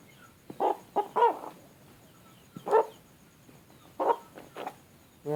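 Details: A chicken with snoring (ngorok): short, raspy, rattling respiratory bursts at irregular intervals.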